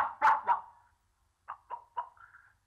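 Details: Adult man with severe Tourette syndrome speaking at a press conference: short, abrupt, bark-like involuntary vocal tics in quick series with brief pauses.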